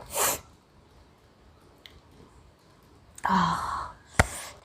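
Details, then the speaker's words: Woman in a sneezing challenge sniffing spice (garam masala or chilli powder): a quick intake of breath and a burst of air, then a single sneeze. "गरम मसाले से मुझे बहुत सारी चीखें आ गई हैं। मिर्च से सिर्फ एक ही आई थी।"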